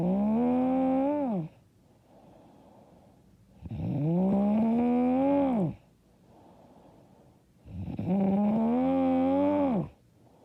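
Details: Loud, droning, vibrating snores on each in-breath, about 14 breaths a minute, with quiet out-breaths; self-described very loud, hard snoring.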